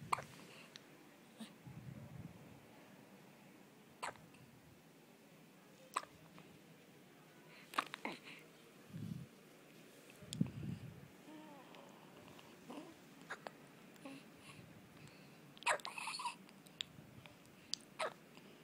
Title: My baby hiccups